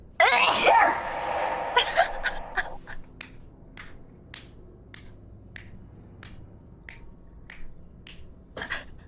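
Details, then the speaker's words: One loud, sudden sneeze from a woman, followed by a trail of fading, evenly spaced echo-like clicks in a quiet room; an echo effect added to the sneeze. "She finally sneezed, everyone. She finally sneezed."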